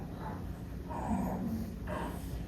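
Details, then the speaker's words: Infant with breathing difficulty, rib retractions and fast breathing, giving noisy breaths with a faint whistling edge: wheezing, as heard in bronchiolitis. "애기 숨 쉴 때 들리는 소리 들리세요? 쌕쌕거리는 소리. 이게 쌕쌕거림이고"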